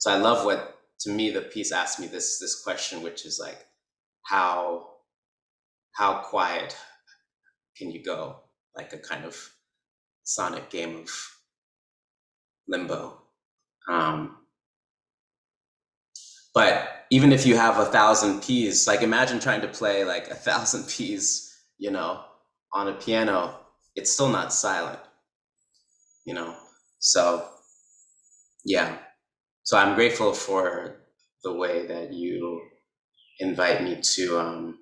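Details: Adult man who describes himself as a person who stutters, speech showing repetitions and blocks; stuttering.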